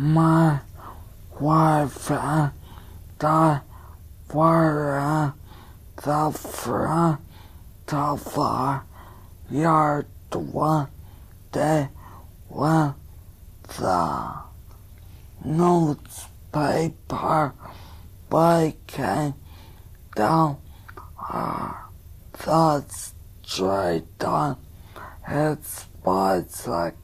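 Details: Adult man, probably with cerebral palsy, with positive jaw jerk, tongue deviation, upper-limb spasticity and a possibly hyperactive gag reflex, reading a paragraph aloud; spastic dysarthria.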